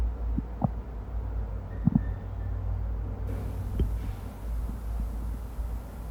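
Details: Amplified stomach rumbling (bowel sounds): a few brief gurgles and pops over a steady low hum.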